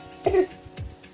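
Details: A child gives one or two short, muffled, voiced coughs over background music, acting out covering the mouth as cough etiquette.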